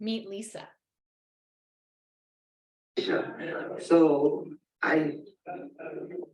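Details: Adult woman with aphasia after a stroke almost 3 years earlier, with word-finding difficulty: she knows what she wants to say but it does not come out.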